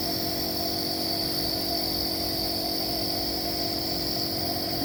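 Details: Nebulizer compressor running while an infant with cough and cold gets steam inhalation to loosen phlegm: steady mechanical hum with a fast buzzing pulse.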